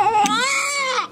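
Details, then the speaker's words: Newborn baby girl just after birth, 35 cm head circumference: single strong, tonal wail about a second long; normal vigorous newborn cry. "I should have heard her place she was fussing when she was coming out and she was tearing up a storm"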